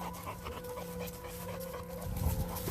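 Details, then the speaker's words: 11-month-old Renascence Bulldogge, fatigued after a 3.5–4 mile hike in warm weather, panting without the rasp of an elongated soft palate; normal panting without stertor. "one thing you'll notice about him even though he's fatigued from a lot of hiking in some warm weather you don't hear that ugly rasp in the back of his throat when he's panting"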